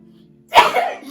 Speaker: Yo, that sneeze was awesome. He said, What? Before you sneeze, you sniffle twice.